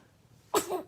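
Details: A single short, sharp burst of air from a baby after a quiet moment; baby sneeze.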